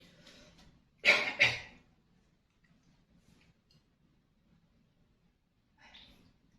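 Two sharp, harsh coughs in quick succession, followed by quiet with faint room noise and a soft breath near the end; an ordinary cough.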